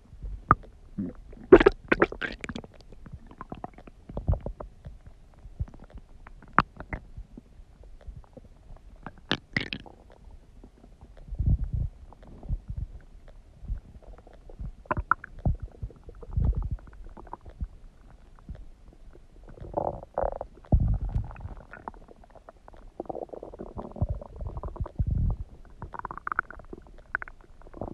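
Irregular low gurgles, squelches and rumbles from the abdomen, typical of ordinary active bowel sounds.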